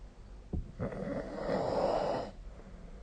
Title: 🐽 本日のイビキ / Snoring Sleep Sound 2025/04/21